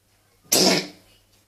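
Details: Cough from a person in a home recording, described as between a sneeze and a cough; a doctor visit is planned.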